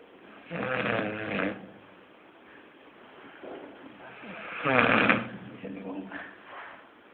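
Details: Snoring: two rough, grunting snores a few seconds apart, with softer snuffling breaths between.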